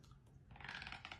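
Brief gritty, rasping clicks of teeth grinding during sleep, consistent with sleep bruxism.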